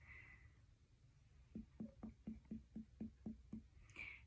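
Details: Abdominal percussion by a student nurse on a healthy patient after normal bowel sounds and no bruits: a quick run of about nine short, muffled taps without ringing resonance, normal dullness over the spleen.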